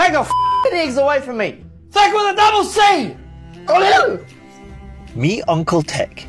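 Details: Adult man with Tourette syndrome, with involuntary words and phrases; Tourette syndrome vocal tics.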